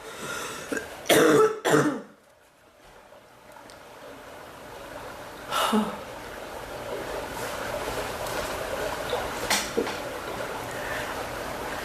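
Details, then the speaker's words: An adult woman coughing, painful in her chest and back, that gets better and worse: two sharp coughs in quick succession, a single cough seconds later, another near the end, over room noise. "more my back than my chest to cough it seems like it gets better and it gets worse"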